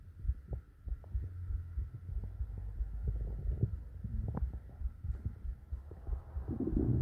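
Deep, muffled thumping heartbeats under a steady hum, with low gurgling stomach growls mixed in.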